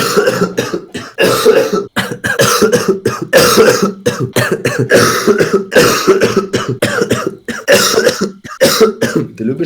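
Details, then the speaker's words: Adult man coughing all evening, says coughing feels so bad his eyes bulge out: long run of about twenty loud, harsh coughs in rapid clusters with brief gasps; persistent coughing fit. "Мне так плохо, когда я кашляю, что такое ощущение, что глаза на лоб вылазят."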